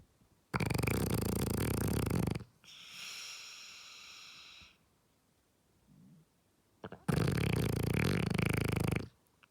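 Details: Snoring of a sleeping dog lying next to its owners: loud, low, rattling snores about two seconds long, separated by quieter hissing exhales, sounding rather like flatulence.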